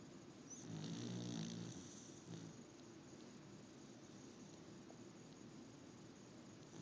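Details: Soft, low rumbling snores from a sleeping small pet over faint room noise, fading after the first couple of seconds; snoring.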